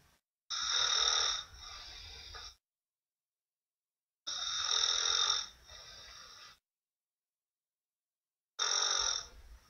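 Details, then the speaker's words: Adult man snoring in sleep at night, not waking when pushed: loud, harsh snores about 15 a minute, each a rasping breath with a softer tail; silent pauses follow. "so anyways here's a little sound clip of him snoring I hope you can hear this and I'll walk you through what's happening"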